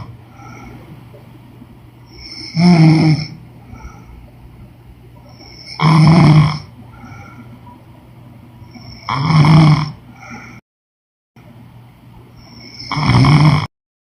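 Loud rattling snores on each inward breath, four in fourteen seconds, about 18 breaths a minute, with quiet gaps between.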